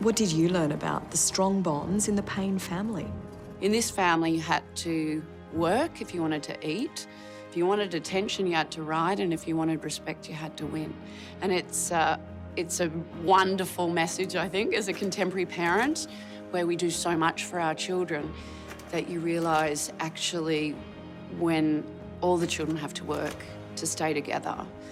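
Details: Adult woman speaking; normal speech.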